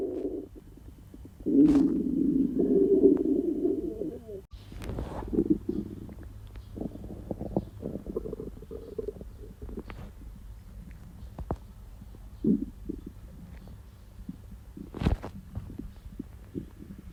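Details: Loud, frequent gurgling and rumbling from the abdomen during diarrhea: hyperactive bowel sounds (borborygmi).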